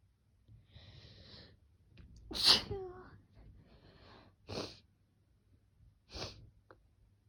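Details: Sniffling breaths followed by three sharp sneezes, with quieter sniffs between; sneezing with sniffles.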